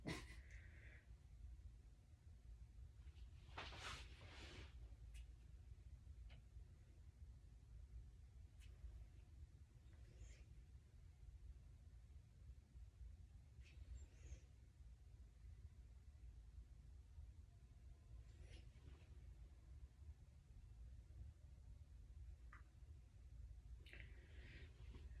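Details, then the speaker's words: Abdominal auscultation with a stethoscope moved through all four quadrants: intermittent soft gurgles and clicks over a steady low rumble, active bowel sounds that are neither hyperactive nor hypoactive, so normal. "All right, so there were bowel sounds in all 4 quadrants. Well, I hope so. Yeah, they were just active. They weren't hyperactive or hypoactive."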